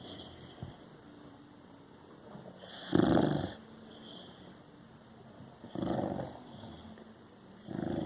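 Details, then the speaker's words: Two or three loud, rough snoring bursts a few seconds apart over quiet room noise, from a large sleeping pet dog; dog snoring. "quien dijo que los perros no roncan como uno mire nos presenta hércules enorme con una cosa adicto y ronca"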